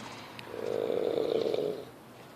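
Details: A tonal snore sounding like the note F: a single drawn-out, buzzing, humming breath lasting about a second and a half.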